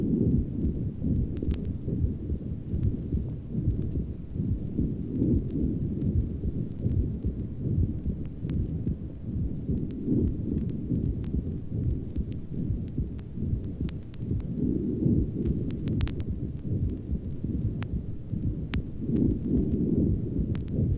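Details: Rheumatic valvular heart murmur (valve regurgitation).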